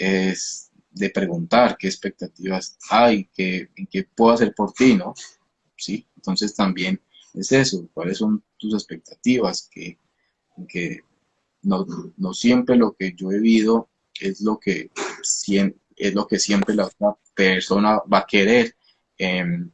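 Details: Adult male speech-language therapist who stutters; emotional upheaval around a hospitalization was a trigger, with a genetic component since his father also stutters; stuttering.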